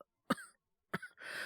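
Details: Two short throaty coughs followed by a breath out, acted by a male voice performer in a scripted scene of a scratchy sore throat from a cold.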